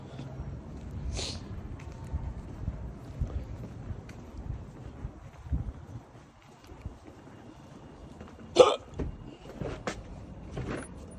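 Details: A man with repeated hiccups outdoors: a few brief, sharp hiccup bursts over outdoor background noise, the clearest near the end.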